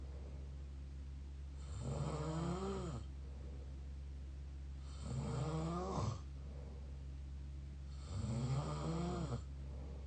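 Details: Mouth snoring: three loud, rattling snores with tonal flutter on each breath in, about every three seconds, over a steady low hum.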